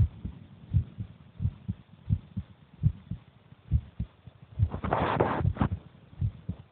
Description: that is the heartbeat of my brother while he eats